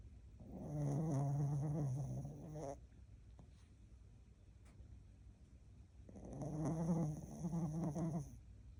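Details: Sleeping dog snoring: two long, low, rattling inhalations separated by a quiet pause.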